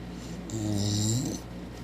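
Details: 4-month-old Cane Corso lying on the floor, giving a single low, rumbling, buzzing snore in a quiet room; snoring.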